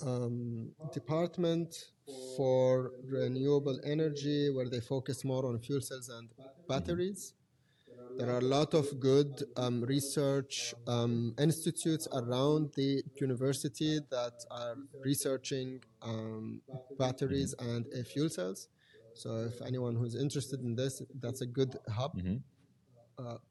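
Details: Adult man who has stuttered since childhood, now managed with techniques learned in therapy. Stuttering.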